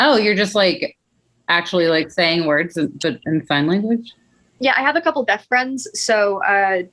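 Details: Adult woman speaking; no speech disorder.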